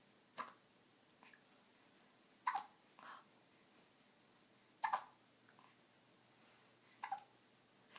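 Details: Four sharp, brief hiccups about every two to two and a half seconds, with softer breath noises between, while recovering from shots received Thursday; hiccups.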